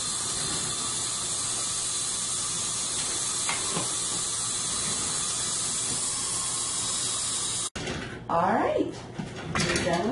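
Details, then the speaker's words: Dental cleaning by hygienist: ultrasonic scaler removing tartar and stain with steady loud suction hiss and high whine, then cutoff and gurgling, slurping suction of water from the mouth. "is a great instrument it takes off tarar real easy and also remove stain from the teeth so we use that first"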